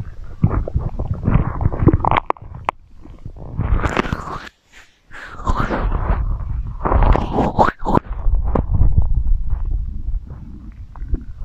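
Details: Irregular low gurgles, rumbles and squelching bursts with a short silent gap, recorded as stomach growling ASMR; borborygmi (bowel sounds).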